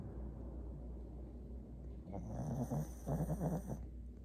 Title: Snores